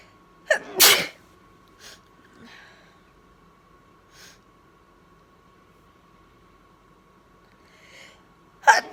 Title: Sneezing in bed